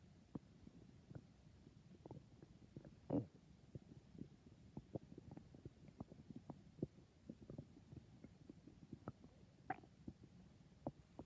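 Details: Stomach rumbling (borborygmi): quiet scattered gurgles and pops with a couple of louder squelches, ordinary bowel sounds.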